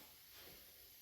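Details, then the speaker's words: Mini mesh nebulizer with mask attached, switched on and producing mist; pressing the button again raises the speed in steps. It is described as easy to use even for children. Steady soft hiss of the running nebulizer. "കുറച്ചുകൂടി speed ആക്കണമെങ്കിൽ ഒന്നുകൂടി press ചെയ്താൽ മതി അപ്പോ കുറച്ചുംകൂടി speed കൂടും"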